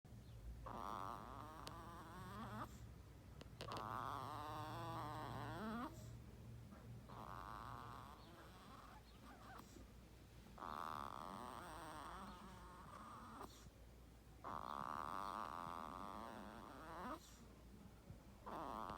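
Soft fluttering, rattly breath sounds in long runs with pauses between, about 10 breaths a minute, with a low steady hum behind: snoring in an infant.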